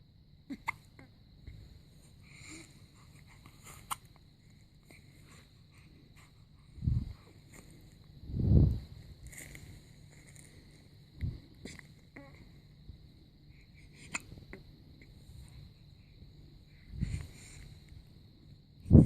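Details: Newborn baby boy, 7 days old, with hiccups during his first day home from hospital.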